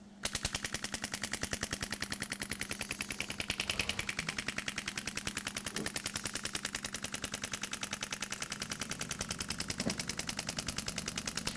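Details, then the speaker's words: Veterinary extracorporeal shock wave therapy on a foal with angular limb deformity (crooked legs), applied to slow growth on one side: rapid, regular sharp clicks like repeated small hammer taps. "en fait c'est très ça fait du bruit mais c'est c'est pas un marteau quoi je c'est des tout petits coups c'est ça"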